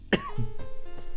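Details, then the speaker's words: Adult with sore throat and an urge to cough every few seconds: a single short cough, then rough throat-clearing over background music; cough and throat clearing. "Momentan leide ich an halsschmerzen und nicht nur das ich muss auch sehr häufig husten wie gerade zum beispiel alle paar sekunden habe ich einen hustenreiz und der ist sehr unangenehm"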